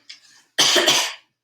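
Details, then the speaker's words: Adult's single strong voluntary cough on request, preceded by a faint breath, during a clinical swallow evaluation after nectar-thick liquid trials, cued to check airway clearance. "all right i'm gonna cough all right all sounds normal"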